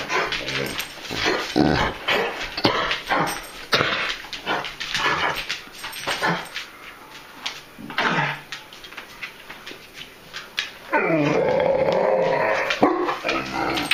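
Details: Three dogs in different stages of kennel cough, on day 4 of doxycycline and a cough suppressant, sometimes bringing up clear phlegm: repeated harsh, hacking coughs with gagging and a brief whine.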